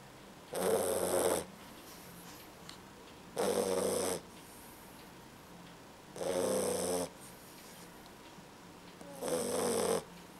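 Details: Beagle puppy snoring in a quiet room: four slow, rasping snores, about 21 per minute, each on the in-breath.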